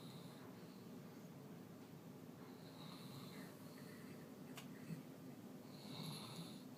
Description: Snoring, sleeping Basset Hound Gustav